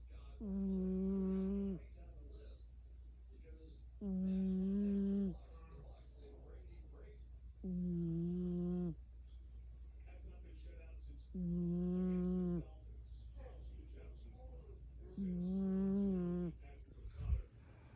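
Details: Overweight cat snoring: regular voiced snores about 16 a minute, each a drawn-out buzzing tone, over a steady low room hum.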